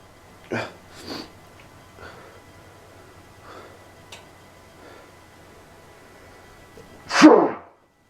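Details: Sneezing fit after snorting pepper, which burned the nose: several soft sneezes and breathy snorts, then one loud, forceful sneeze near the end.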